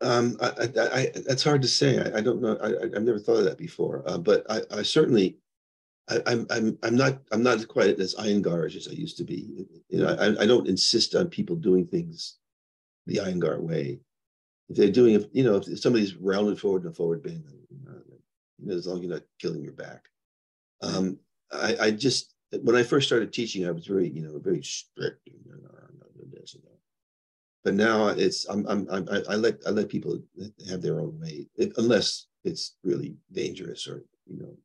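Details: Adult man with progressing Parkinson's disease who reports stuttering a little, losing his words and impaired balance; finding: disfluent speech with stuttering-like repetitions in Parkinson's disease.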